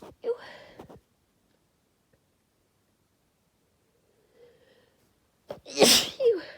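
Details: Induced sneezing: a short breathy sound, then after a pause a loud, explosive sneeze with a quick intake of breath; a single induced sneeze, in a session with a few sneezes and a nose blow.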